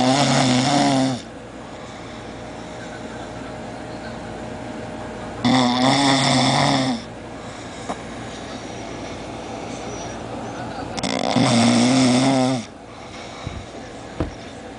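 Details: Someone in heavy sleep with loud, rough, rattling snores on each breath in, about 11 a minute, and quiet breathing between them; snoring.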